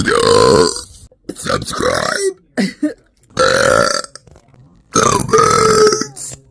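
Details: Adult woman, on a dare, after drinking 2.5 cans of soda: three long, loud, drawn-out burps with short gaps between them; burping.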